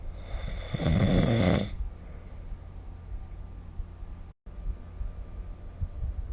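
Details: Snoring recorded during sleep with the SnoreLab app: a single loud, low rattling snore on inspiration, then quiet room noise with soft breathing.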